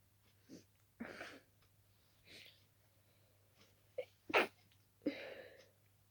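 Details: Adult sneezing at night while sleepy after a sudden itchy nose, thought to follow dusting the room: a quick run of sharp, explosive sneezes with soft breaths between, over faint room hum.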